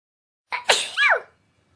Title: How the characters sneeze like